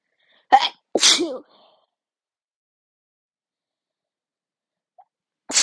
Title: Loud and strong sneezes